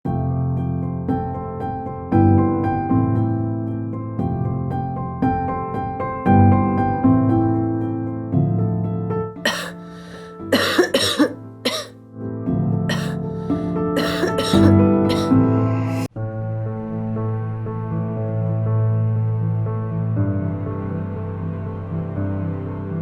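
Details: A run of repeated, harsh acted coughs over soft piano music in an ENT hospital advertisement about frequent coughing or throat discomfort; the finding is frequent cough.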